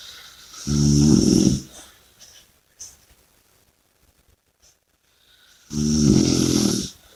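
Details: Audio recording of snoring with heavy breathing: two loud, deep, rattling snores about five seconds apart with quiet breathing between; heavy snoring.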